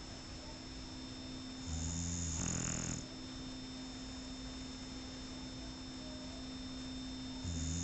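Low rumbling breath sounds with a steady tone in the background, fitting a dog's snoring during sleep.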